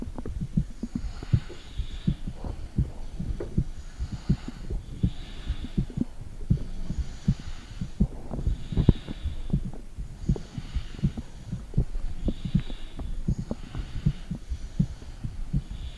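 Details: Adult woman recording a heartbeat with her phone, microphone on her stomach: soft, low, irregular thumps under a rumbling background, with occasional abdominal gurgles.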